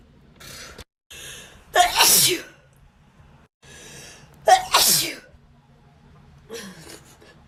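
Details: Wet sneezes from a compilation: two forceful, wet sneezes, each preceded by a sharp intake of breath, with a softer third at the end.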